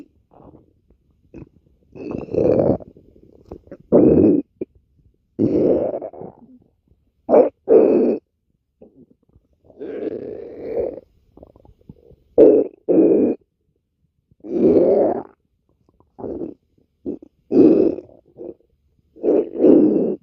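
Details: An adult's stomach growling (borborygmi): irregular low gurgling and grunting rumbles from moving gut contents.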